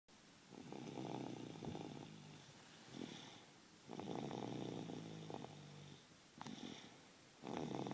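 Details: Snoring of a 28-month-old child.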